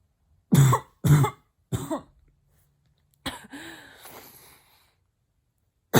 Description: Closed mouth barking cough attempt.